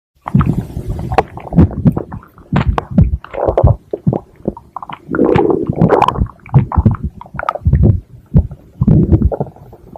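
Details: Stomach growling (borborygmi): loud, irregular low gurgles and rumbles, nearly continuous across the clip.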